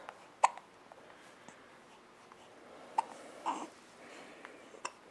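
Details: Baby girl aged 5 weeks and 3 days with hiccups: soft, brief, abrupt clicks at irregular intervals, about four in five seconds.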